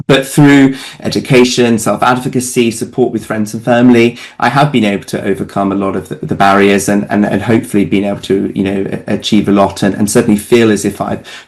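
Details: Adult man living with Tourette syndrome, whose tics get much worse at times of great stress such as exams; frequent word repetitions in speech; Tourette syndrome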